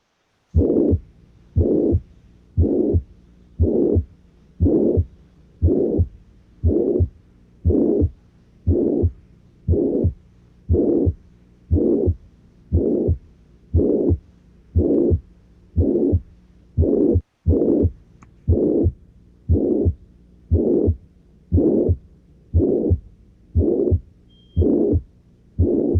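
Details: Ventricular septal defect teaching recording: regular heartbeat near 59 a minute with a long, harsh holosystolic murmur filling each systole.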